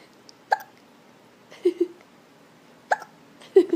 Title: Ow hiccups haha